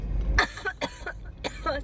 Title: beautiful girl coughing and having hiccups 😍